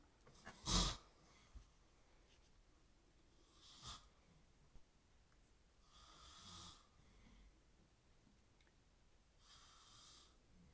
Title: Snoring uncle